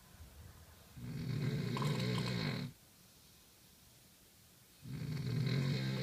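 Two loud, rough, rattling snores on the in-breath, separated by a quiet pause; heavy adult snoring.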